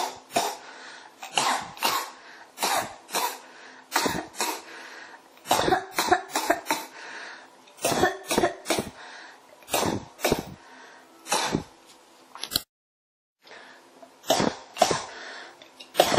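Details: Persistent, repetitive dry cough: about twenty-five cough bursts in close runs over sixteen seconds, barely pausing, in a quiet room.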